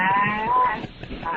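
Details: Loud snoring from a man (the show's producer) asleep in a hotel room, recorded overnight on a cell phone by his roommate; likened to a goat.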